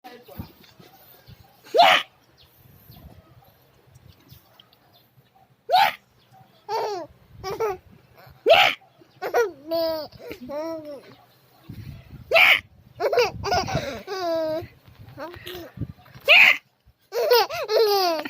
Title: 3 MONTHS OLD BABY LAUGHING WHILE HICCUP